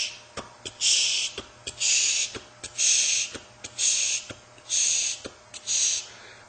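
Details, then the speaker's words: Spoken imitation of a mitral stenosis murmur for MRCP PACES: loud first heart sound, second sound, small gap, then a rumbling mid-diastolic murmur. "the mitosis this is a mid like rumbling murmur loud fot heart sound second heart sound small Gap and you get the murmur small"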